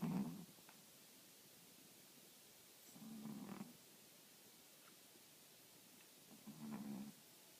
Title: snoring